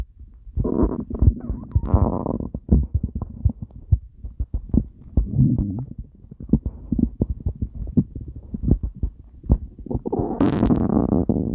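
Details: Stomach growling (borborygmi): irregular low gurgles, squelches and rumbling runs over several seconds.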